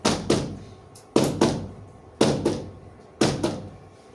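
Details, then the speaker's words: Imitated normal heart sounds, S1 and S2, about 57 a minute; the first sound is longer and the second is shorter and drier, from semilunar valve closure. "Cuál es más Seco de los dos el segundo el segundo es un ruido más seco corto y seco"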